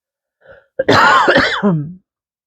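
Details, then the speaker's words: Adult recovering from illness, described as a dry cough: quick intake of breath, then a short, dry, throat-clearing cough with a voiced, groaning tail. "I'm getting over being sick obviously you can hear the cough it's more of a dry cough because it's kind of Dusty and and I haven't had the energy to dust the house"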